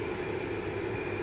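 Steady, even blower hum with airflow rush from a running BiPAP machine with humidifier.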